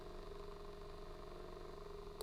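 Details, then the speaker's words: Quiet, low, steady buzzing hum with rapid, even pulsing from an AchedAway percussion massager at level 1, its lowest speed, about 1500 strokes a minute; a very quiet device. "so honestly the quiet level is probably not going to be a deterrent which one i purchase but this one is very quiet"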